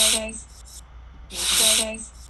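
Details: A brief wet, hissing snort on inhaling, like slurping soup; inspiratory snorting from excess tissue behind the nasal alar fold.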